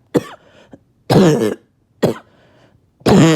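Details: Four harsh, loud coughs in about three seconds, some with a hoarse, throaty bark, after about two days without sleep; barking cough.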